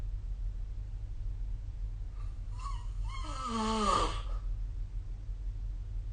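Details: Snoring sleep sound, likely recorded with the SnoreLab app.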